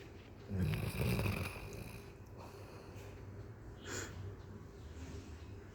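A sleeping dog gives a loud, low, fluttering snore, then softer snuffling breaths; an ordinary snore.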